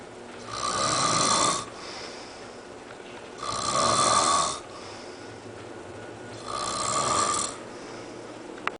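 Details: Three regular, hissing snores with a whistling edge, about 20 breaths a minute, from a sleeping woman who had claimed she doesn't snore; snoring.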